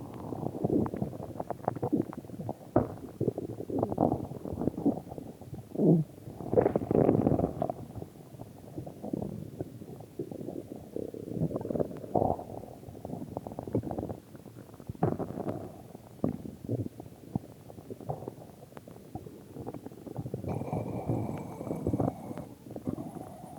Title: my stomach growling